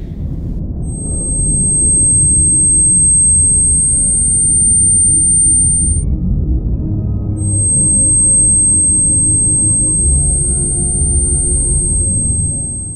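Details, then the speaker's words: Simulation of Beethoven's hearing loss with tinnitus: a thin, steady high whistle over dull, muffled music with a low boom, representing rushing, whistling and booming ear noises. "Aber das Allerschlimmste, das sind die Ohrgeräusche. Dieses Rauschen, Pfeifen und Wummern im Ohr. Grässlich."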